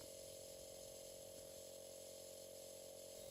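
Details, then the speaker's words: Philips home side-stream nebulizer compressor running during a treatment, the user seated upright breathing slowly through the mouthpiece or mask: a steady mechanical hum with a fast, regular motor buzz and airflow hiss. "make sure mist is visibly coming from the mouthpiece or mask if using a mask Place securely in position over the nose and mouth and breathe slowly in and out through the mouth"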